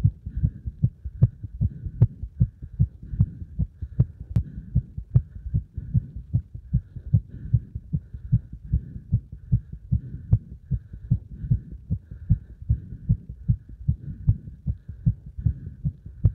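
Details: Heart sounds after stacking a beeper and squats: regular low thumps at about 76 beats a minute, recorded after exercise.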